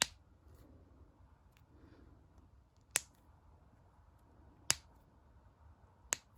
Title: #7[世界1！？] 手の指は何回鳴らせるのか！？ / fingers cracking knuckles cracking world's records !???